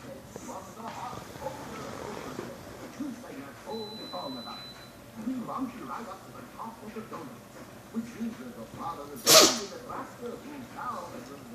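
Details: Single sharp, explosive sneeze near the end from a Pekingese puppy, against quiet room sounds and soft background voices; sneezing.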